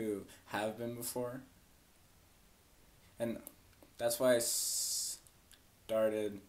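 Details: Adult woman who has stuttered since about age four, struggling most with blocks; stuttering.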